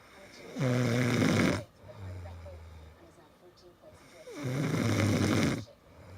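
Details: Husband's very loud snoring keeping his wife awake all night: loud, deep, rattling snores on each in-breath with quieter rumbling out-breaths; heavy snoring.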